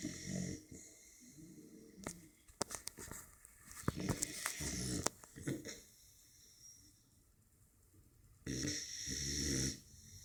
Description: snoring american bulldog puppy